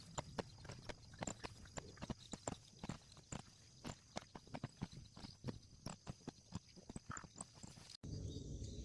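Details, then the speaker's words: Fast, galloping thumps over a hissing background, played back as a baby's heartbeat, likely picked up by Doppler; fetal heartbeat. "연다가 엄마한테 맡기자.이 이 소리는 심장 소리입니다. 너 심장 소리야."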